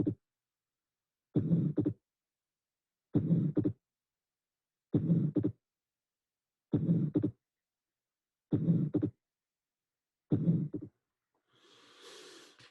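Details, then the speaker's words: Atrial septal defect recorded at the pulmonic area: slow, regular heart cycles, each with a rough systolic ejection murmur leaving a gap early in systole and a fixed split second sound (aortic and pulmonic components). "this is a fixed split second sound with the aortic and pulmonic component so this is a a very nice recording of an utter accepted effect"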